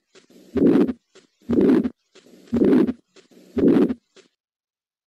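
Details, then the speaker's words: Teaching recording of the ejection systolic murmur of aortic stenosis: four cycles, about 59 a minute, of a rough, grainy crescendo-decrescendo murmur swelling and fading between the first and second heart sounds. "this is a very rough course murmur that goes louder reach the peak and then it decelerates so you get this up and down kind of very grainy course sounding murmur between first and second heart sounds"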